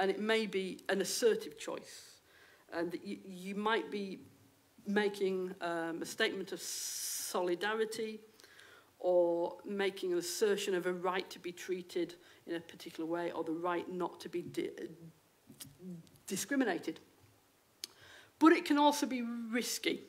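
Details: Stammering in an adult female lecturer who states she has a stammer; real, not acted.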